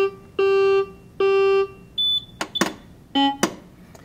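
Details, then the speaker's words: Maquet Servo-i ventilator, fully circuited, running its pre-use check: steady electronic tones, a short high beep and sharp valve clicks; ventilator pre-use self-test sounds. "do you want to start the pre-use check yes we do now these are all the things that it's going through"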